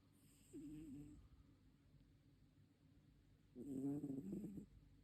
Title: My cat Melissa and her snoring can be heard throughout the city